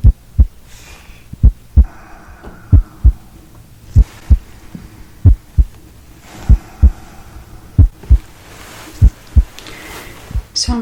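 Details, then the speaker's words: Simulated roleplay exam, real-person auscultation: normal heart sounds, S1 and S2 heard with diaphragm and bell, no S3, S4 or murmurs, no signs of heart failure; patient with shortness of breath and chest tightness, blood pressure 120/60. "hearing normal heart sounds no murmurs i'm gonna listen with the bell side as well i'm hearing s1 and s2 not hearing s3 and s4"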